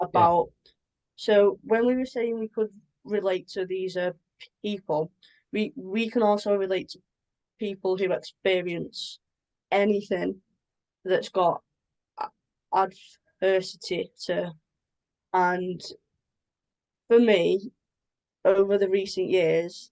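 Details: Adult woman with a stammer involving blocks; stammering.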